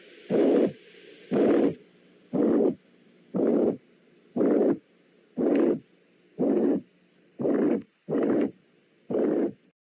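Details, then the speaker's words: Ventricular septal defect murmur, abnormal communication between right and left ventricles from incomplete septal closure: regular whooshing murmur bursts at about 59 a minute. "otro de estas comunicaciones anormales es cuando el ventrículo derecho y el ventrículo izquierdo se comunican entre sí por un incorrecto cierre del tabique interventricular y este se puede escuchar de la siguiente forma"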